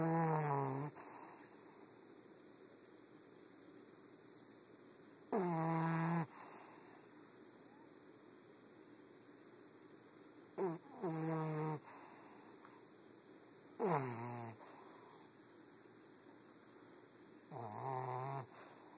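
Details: Sleeping bulldog snoring: five short snorting snores with a groaning, whiny tone, irregularly spaced over 19 seconds, against steady room hum.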